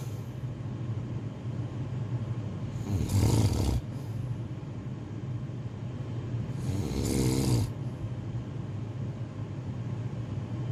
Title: Snoring sound effects